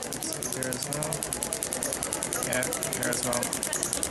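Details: Storz radial shockwave (ESWT) soft-tissue fascia release in an uninjured male Olympic athlete with a tight thoracic spine and reduced right shoulder motion; rapid steady clicking about ten a second with faint talk; radial shockwave device pulses.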